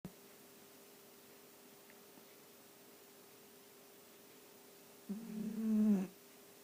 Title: Sausage dog snoring